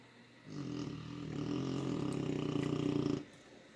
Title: It's 2pm,I'm eating this shit and our dog is snoring like a human being and it's terrifying